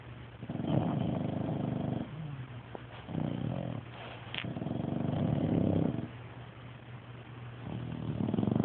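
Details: Low fluttering, rattling snores in uneven runs lasting one to three seconds, with some background hum; snoring.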